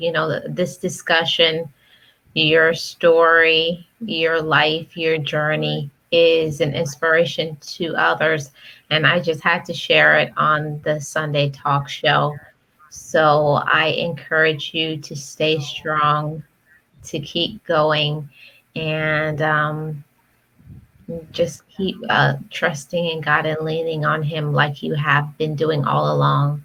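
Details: Adult woman speaking; normal speech.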